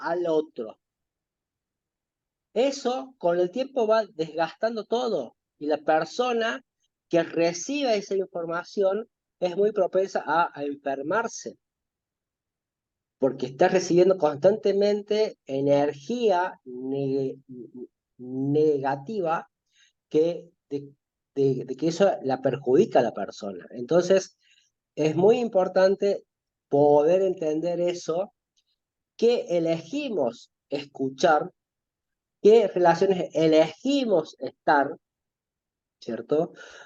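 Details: Spanish-speaking adult male who says he stutters, in spontaneous conversation. Finding: stuttering.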